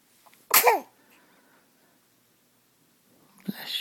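One sharp, explosive sneeze in a quiet room, then a faint breath or movement.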